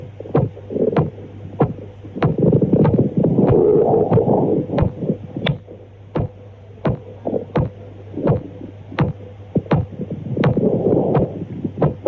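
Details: Auscultation over the femoral artery in aortic regurgitation: sharp, snapping, shot-like sounds at about 90 a minute over a steady hum and rustling noise, pistol shot femoral sounds (Traube's sign).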